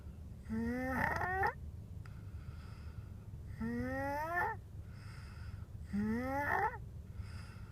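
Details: Snoring away: three rising, tonal snores on each breath in, about eight breaths a minute, with faint room noise between. Snoring.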